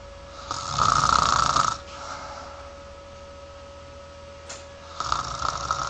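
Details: Sleeping person: loud rattling snores on breathing in with quiet pauses between, in a quiet room with a faint steady hum; snoring.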